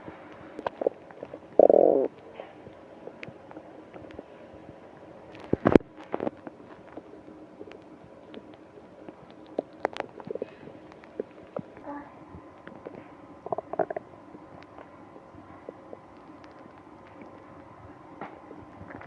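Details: Intermittent gurgling and growling bowel sounds, with one loud gurgle early on, from a person with a stomach ache on a business trip, who is also moaning.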